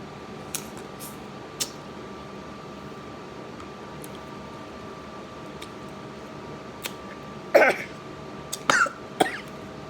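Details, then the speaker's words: Person coughing after eating very spicy food; they say the spice, not salt, irritated the throat. About three short coughs near the end, over quiet room hum with small clicks. "That was spicy. Going down my throat. It wasn't necessarily coughing from the salt. It just was too spicy."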